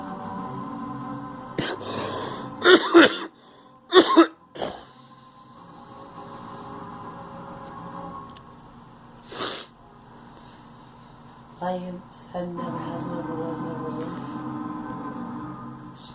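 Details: A girl gives several short, sharp coughs in scattered pairs and singles over steady background music.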